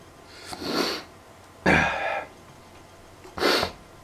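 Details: Three short explosive sneezes about a second apart, with quiet room noise between, after snorting black pepper.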